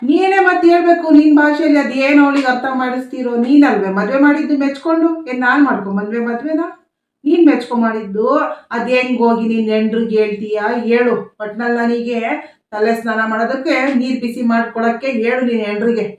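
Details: Adult woman speaking Kannada; typical speech.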